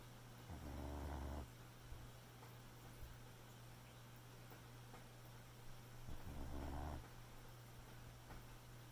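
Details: Boxer puppy snoring in sleep: two low, rumbling snores about five seconds apart over a steady background hum.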